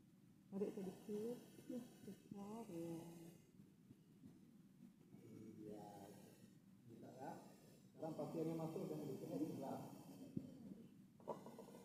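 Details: Patient with noisy rough breaths showing snoring and wet gurgling sounds in the throat, a sign of a partly blocked upper airway with secretions.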